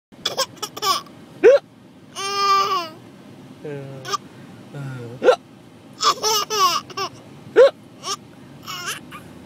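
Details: Baby laughing: repeated sharp, sudden vocal hiccups mixed with laughter and babbling, several in under ten seconds; hiccups.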